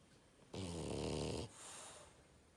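One loud, rattling snore on the in-breath followed by a softer out-breath, typical snoring of a flat-faced dog.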